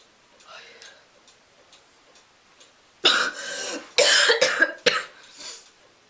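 Several harsh, noisy cough bursts in quick succession after a quiet stretch; an ordinary cough.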